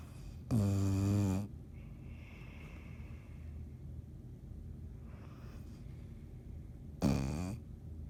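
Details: Snoring: two loud, buzzing inhaled snores about six seconds apart with quiet breathing between.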